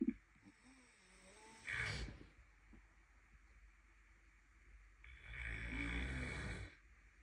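Two rough, noisy snoring breaths a few seconds apart over a quiet background; snoring.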